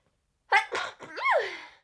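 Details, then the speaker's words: Adult woman with a cold, sore abdomen after workouts: single sharp sneeze, quick catch of breath then explosive burst trailing into voiced release. "also I did ADW workouts yesterday so every time I sneeze it feels like I have a child and it's kicking the [ __ ] out of me from the inside"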